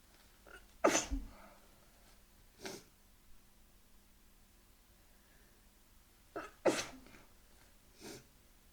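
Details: Two sharp, explosive sneezes, each preceded by a brief inhaled catch and followed by a softer exhale; deliberately induced sneezing.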